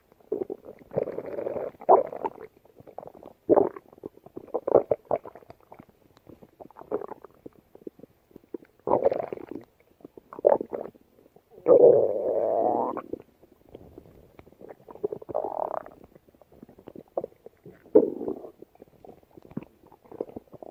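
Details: Stomach growling (borborygmi) from a woman's belly: irregular gurgling and rumbling bursts, typical normal bowel sounds.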